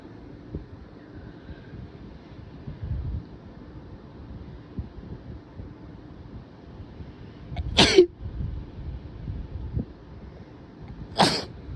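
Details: Adult sneezing, suspected allergies or possibly a cold after being tickly all day: two forceful sneezes a few seconds apart, breathing between, followed by nose blowing.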